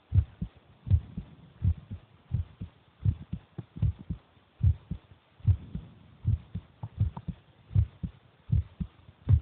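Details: Heartbeat of the recorder's brother recorded while he is eating: regular low thumping at about 78 beats a minute, with some faint extra noise between beats.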